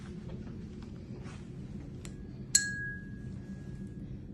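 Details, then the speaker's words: Tuning fork for a Rinne test on the second ear, placed on the bone behind the ear; the first ear showed air conduction greater than bone conduction, and the patient hears it. A light strike, then a clear, steady ringing tone that slowly fades. "The um air conduction is greater than the bone conduction. And I will go ahead and do the same thing over here."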